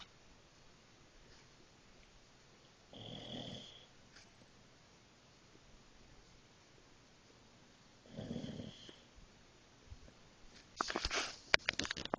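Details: Two loud rattling snoring breaths about five seconds apart from a dog, then brief rustling noise at the end; dog snoring.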